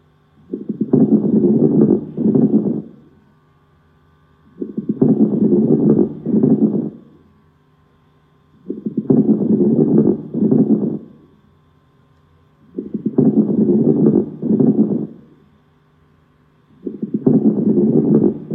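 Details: Crackles heard through a stethoscope: rough, bubbling crackles in each breath, about 16 breaths a minute.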